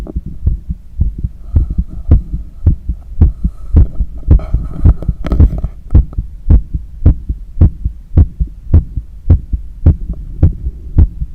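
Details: Normal heart sounds during cool-down after a long run: strong regular heartbeats about 109 a minute on cardiac auscultation, with faint breathing noise midway.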